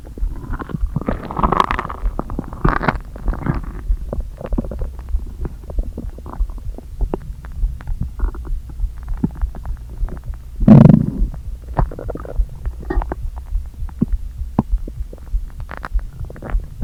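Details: Stomach noises after not eating all day, with the stomach deliberately inflated a little: continuous low gurgling, rumbling and hollow groans with one louder squelching surge of gas and fluid; borborygmi.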